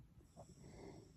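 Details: A sleeping pet snoring softly while comfortable in bed; the snores are described as cute.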